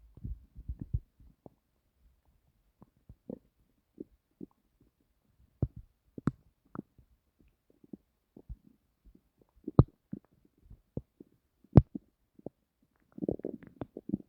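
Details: Scattered gurgles and low rumbles with quiet gaps in a still room, recorded while lying trying to sleep; stomach growling, bowel sounds (borborygmi).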